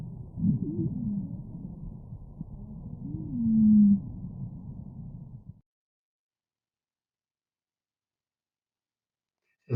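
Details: Wheeze.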